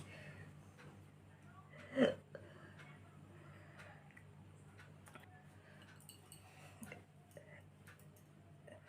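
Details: Natural hiccup recorded for a hiccup challenge: one sharp, abrupt hiccup against a soft background hum and faint talk.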